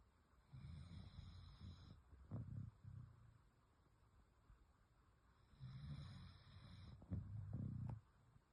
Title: Lily Sleeping and Snoring! #dog #pets #beautiful #dogs #lily #love #doggyzworld #snoring #cute #❤️